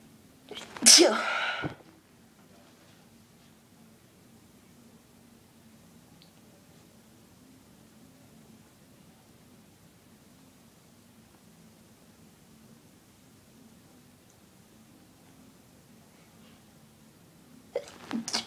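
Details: Sneeze from a person with a really tickly nose: one forceful sneeze, then a long quiet stretch, and the start of another sneeze at the end; ordinary sneezing.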